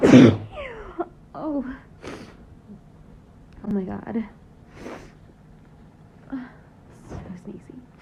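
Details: Adult woman in a bout of repeated sneezes, tickling nose, possibly triggered by a pet entering the room: one loud sneeze burst, then soft gasps and voiced exclamations between sneezes.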